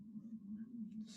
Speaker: can you hear my stomach rumbling just now